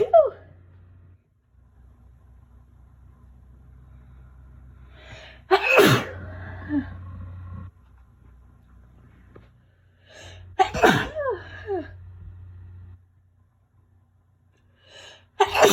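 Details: Person on day 5 of a bad cold with fever and aches, possibly flu: three sneezes, each with a sharp intake and explosive burst, followed by a sniffly, congested breath; sneezing.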